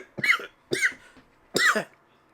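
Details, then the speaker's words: Three short, dry coughs from an adult woman; a lingering cough after COVID-19. "Y'all, I still have this COVID cough."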